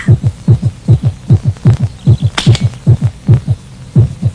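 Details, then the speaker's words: Rapid heartbeat, regular paired low thumps at about 150 a minute with a steady hum behind, illustrating how mental stress or anxiety drives the autonomic nervous system to speed the heart. "정신적 스트레스는 자율신경계에 경고를 보내 심장 박동을 빠르게 합니다. 큰 경기를 앞두고 끼는 불안감은 심장 박동을 빠르게 촉진시킵니다."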